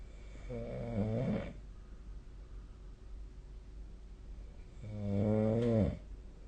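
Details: Snoring during sleep: two deep, rattling snores on breathing in, about four seconds apart, over steady room hum.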